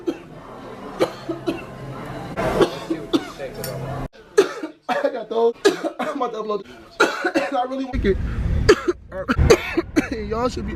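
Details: An adult gives a series of short, harsh coughs mixed with bits of speech and throat noise over room background; repeated coughing.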